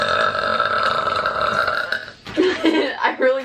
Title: Girl burp compilation #11